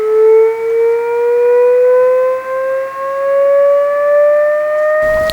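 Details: AED charging before a shock in a simulated EMT cardiac arrest management scenario after "shock advised": steady tone rising slowly in pitch for about five seconds.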